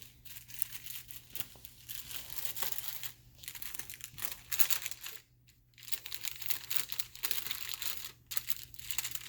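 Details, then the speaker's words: Crisp crinkling and rustling of stiff paper unfolding: the wrapper of a sterile glove pack opened before sterile gloving during a sterile wound dressing change demonstration. "all right let's do our sterile gloves now you'll all remember how to put on steroids you're professionals at it"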